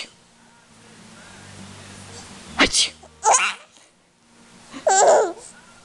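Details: 7-month-old giving two quick explosive sneezes followed by a burst of laughter, over low room hum; ordinary sneezing.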